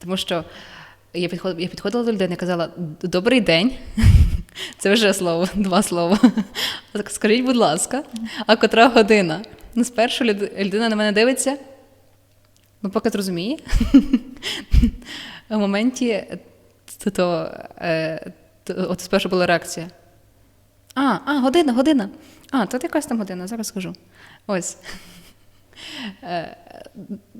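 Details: Young woman who stutters, sharing her personal experience of living with stuttering and methods that help reduce it; stuttering.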